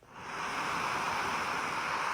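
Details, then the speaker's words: Steady rushing hiss of air leaking from an auto-set CPAP user's nasal mask with nasal cushion (Air Liquide Alnest N1 Silence), showing a poor seal that needs adjusting; a tight mask would be quiet. "you can hear that. If it's tight and there's no need to adjust, it's going to be quiet and you won't feel any air coming out here, going to your eyes, and then you can feel your lashes will feel it."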